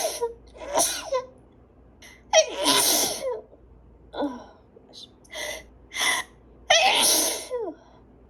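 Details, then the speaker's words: Person with allergies who is not taking allergy medication, in a repeated sneezing fit: several forceful sneezes in quick succession, each with a sharp intake and a loud hissing burst. "Thank you. Oh my god. I got to sneeze."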